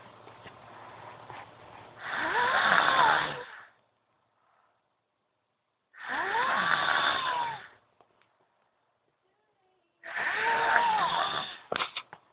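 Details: Girl snoring loudly: three long, loud, rattling snores with silent pauses between, about 15 a minute; snoring.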